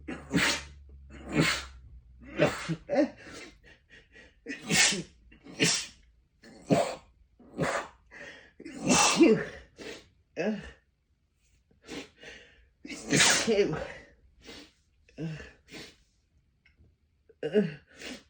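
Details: Repeated gasping in-breaths and stifled bursts broken by a few forceful, explosive sneezes, while trying to hold back sneezes by pinching the nose for over a minute; pressure and tickle built up, left dizzy.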